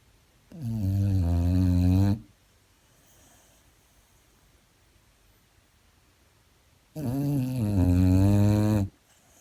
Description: Some industrial strength snoring from Yoshi, my 13-year-old Boxer, fast asleep on her favourite bit of knackered old couch!